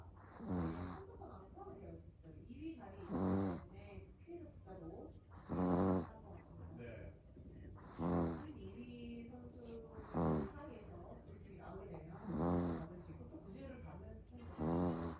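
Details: Sleeping puppy: soft, regular snoring breaths, about 26 a minute, with faint whistling between snores; snoring.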